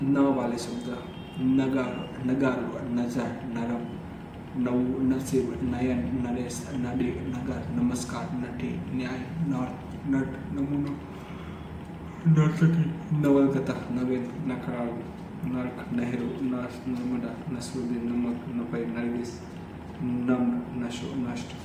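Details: Adult Hindi-speaking man who stammers, on day 30 of daily fluency practice (breathing, tongue twisters), practising words starting with sounds he stammers on, with repeated 'फ' sounds; stuttering.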